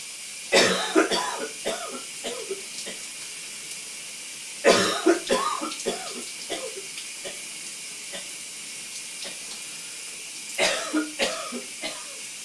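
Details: Three bouts of harsh, wet coughing with throat clearing in a steamy shower over steady running-water hiss: a loose, productive cough.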